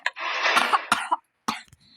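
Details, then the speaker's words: Child recently diagnosed with pneumonitis while gaming: a harsh, prolonged cough, then two shorter coughs, a pause, and another burst of repeated wet-sounding coughing. "I was not realizing the whole time that's why you hear me coughing"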